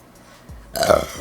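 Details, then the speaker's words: Young woman burping after chugging Diet Coke to induce burps: a short, loud, rumbling belch that rises abruptly and fades, with faint background music. "sometimes i have to do weird [ __ ] for these burps to come out so but i feel oh relieved after they come out it feels so good"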